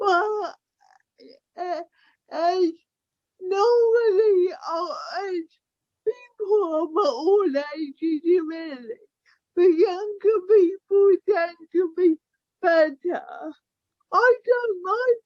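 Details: Young woman with cerebral palsy affecting her speech, walking and motor skills, with poor balance and trouble with fine tasks such as buttons; dysarthria due to cerebral palsy.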